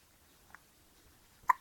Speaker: What are you doing? You got hiccups. You have. You got the hiccups.